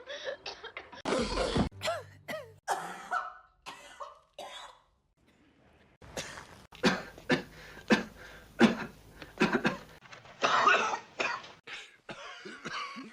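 A rapid series of short, harsh cough bursts and throat-clearing sounds, acted coughs taken from film scenes.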